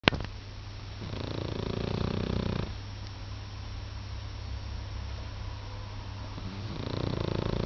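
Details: Two low, rumbling snoring breaths from a sleeping dog, over a steady background hum; normal dog snoring.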